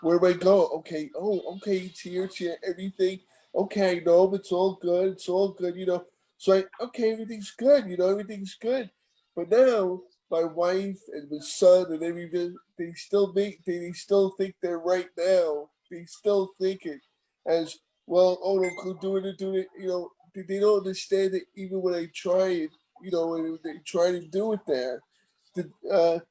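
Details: Man about 15 years after a stroke, with ongoing post-stroke aphasia and inability to write; aphasia.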